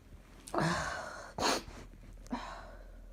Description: What an explosion!! These sneezes could not be kept in.